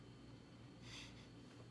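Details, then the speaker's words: A single soft, airy snort-like breath over quiet room noise from a female dog sleeping nearby during recording: faint snoring. "um i can you hear the snoring she's been kind of moody today so i don't really want to wake her up but it's distracting"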